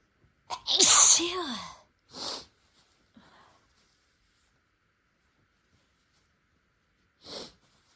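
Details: Self-induced sneezing in a person with no allergies, whose nose seemed sensitive after spicy food triggered delayed sneezing fits: a loud, sharp sneeze with a drawn-in breath, then two smaller sneezes, a short sneezing fit.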